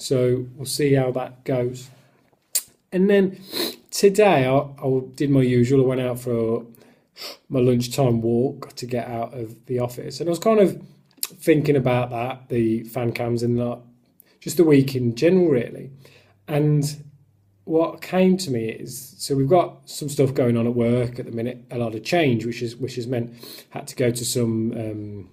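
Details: Male who stammers, speaking about his own stammer; stuttering.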